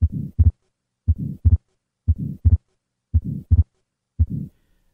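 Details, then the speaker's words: Atrial septal defect: regular heartbeat about 57/min, grade 2–3 systolic flow murmur across the pulmonic valve after S1, and fixed split S2 from delayed pulmonic closure due to prolonged right ventricular ejection. "fixed splitting of the second heart sound is caused by a delay in pulmonic valve closure due to prolongation of right ventricular ejection"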